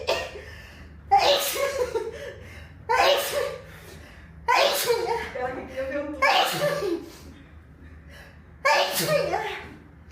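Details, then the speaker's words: Girl sneezing repeatedly: six loud sneezes in a row, with laughter and talk in Portuguese between them. "vai espirrar."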